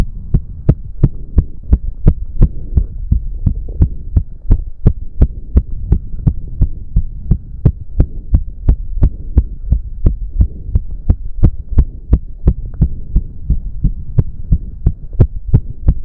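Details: Male's heartbeat during an intense 15-minute cardio workout with heavy breathing, reported close to 200 bpm: strong, steady, fast pounding beats at about 170 a minute; exercise-induced sinus tachycardia.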